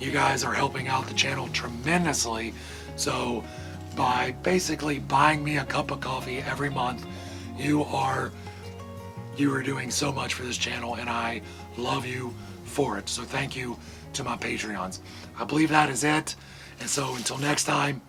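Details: Adult man with vocal cord paralysis from surgical nerve damage in the throat, possibly temporary, making talking hard; vocal cord paralysis.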